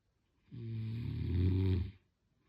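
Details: Person snoring: one long, low, rumbling snore on an in-breath, with a steady buzzing flutter lasting about a second and a half.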